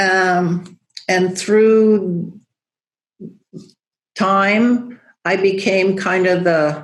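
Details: Woman, a yoga teacher, with aphasia after a stroke, rehabilitating through breath and OM; still loses words, knowing the word but unable to make the linguistic connection; aphasia with word-finding difficulty.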